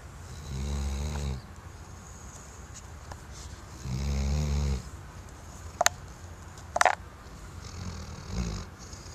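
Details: Sleeping Weimaraner dog: low rumbling snores on the in-breath about every three to four seconds, quiet pauses between; ordinary snoring.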